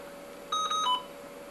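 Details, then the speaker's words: Dräger Babylog ventilator pre-use flow sensor calibration with Y-piece sealed: three quick electronic beeps, the last lower, over a faint steady hum; normal beep as flow sensor calibration completes. "and flow sensor is calibrated put it back on your patience so that you don't get your alarms"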